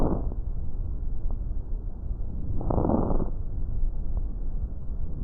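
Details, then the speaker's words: Fine crackles in a paediatric telemedicine semiology recording: muffled breath sounds with brief, faint crackling clicks during inspiration, about 650 Hz, shorter and higher than coarse crackles; linked to pneumonia, heart failure, fibrosis. "tiene una frecuencia típica de más o menos 650 hertz con una duración mucho más corta y la frecuencia va a ser más alta que el crédito pero acá tenemos un ejemplo"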